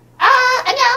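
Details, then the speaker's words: Adult actress with bilateral cochlear implants imitates, in a brief squeaky, high-pitched cartoon-like voice, how speech sounded right after her first (left) implant was activated eight years ago, like a Star Wars robot; speech became clearer after about six weeks. "먹어서 막 이렇게 이런 식으로 들리고 그 스타워즈에 나오는 밖에 달린 청소기 뭐 그 기계 그렇게 소리가 들렸죠."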